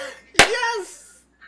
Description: A girl with stifle sneezes for all of you sneeze lovers.